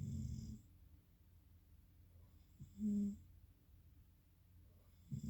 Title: Snoring again 2